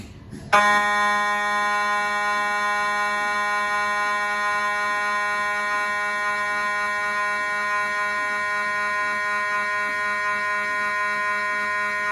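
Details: MRI scanner noise recorded inside the scan room of a GE Healthcare 1.5T or 3T system: loud steady electronic buzzing tone that starts abruptly and holds, typical gradient noise during a scan sequence.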